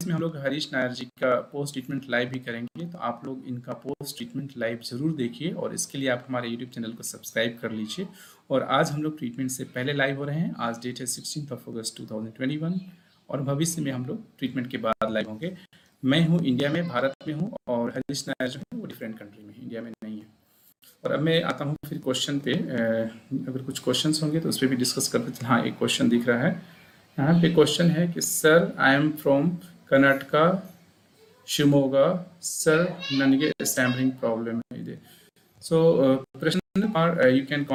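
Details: Adult man; normal speech.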